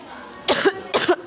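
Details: Cough from someone who is ill: two short, harsh coughs in quick succession, each a sharp burst with a brief voiced tail, against faint room noise.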